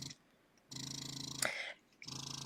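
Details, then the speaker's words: Motif Luna breast pump in expression mode (short fast suctions, like early feeding) at suction level six of 12: buzzing motor in short pulsing bursts with pauses; noticeable pump motor noise. "level six sounds like so there's definitely noticeable sounds so if you are looking for a pump that has absolutely no noise and it's discreet this may not be the best for you"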